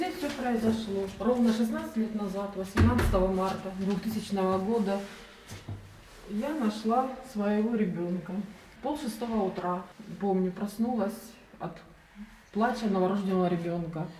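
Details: Adult woman speaking; typical adult speech.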